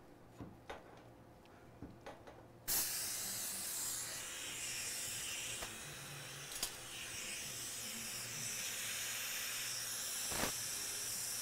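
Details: A few clicks, then a sudden steady hiss of dental handpiece water spray, continuing throughout, as the spray is switched on during access work in live root canal treatment of tooth #14.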